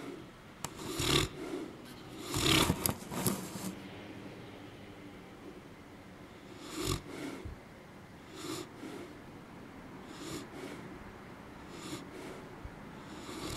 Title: OH MY DOG snore